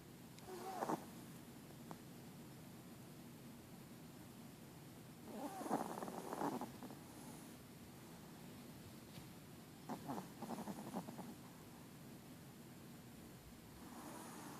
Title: Izzy snoring